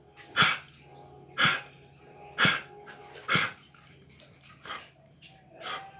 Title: a deep dry honking cough in a dog